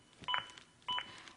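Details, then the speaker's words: Two crisp electronic beeps about 0.6 seconds apart: the ZOLL AED Plus CPR metronome pacing chest compressions at at least 100 per minute, synchronized to compressions and stopping during breaths; demonstration. "if you do stop compressions like I am now to give two breaths the metronome stops when I start back up the beeps Begin Again and are synchronized to my compressions and again speed me up to at least 100 compressions as recommended by the American Heart Association"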